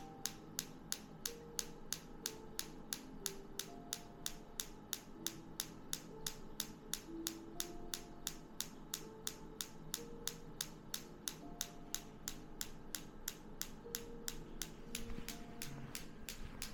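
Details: Focused (not radial) shockwave therapy on a patient's low back at a chiropractic clinic: steady sharp clicking pulses at roughly three a second with faint room noise; shockwave device firing.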